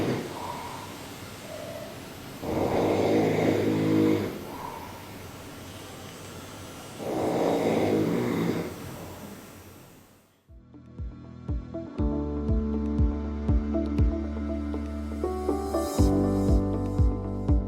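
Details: A man snoring while relaxed during his hair transplant surgery: two deep, rattling snores about five seconds apart over steady room noise, then background music; ordinary snoring.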